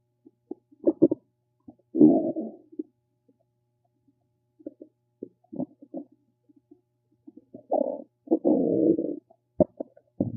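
Scattered gurgles, squeaks and short rumbles in a quiet room; ordinary stomach rumbling from the gut moving gas and fluid.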